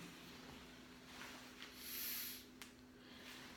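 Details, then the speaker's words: A soft rush of air rises and fades over about half a second as a blood pressure cuff on the patient's arm, held at heart level, fully deflates after the radial pulse was lost at about 140 mmHg: cuff deflation. "I slept feeling his pulse right around 140 now I'm gonna deflate the cuff completely"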